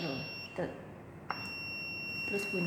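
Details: Defibrillator training demonstration: a steady high electronic alert tone with brief bits of a voice prompt in a small room, AED alert tone and voice prompt.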